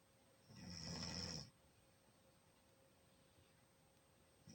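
A single loud, rough, fluttering snore on the in-breath, about a second long, then quiet breathing; snoring.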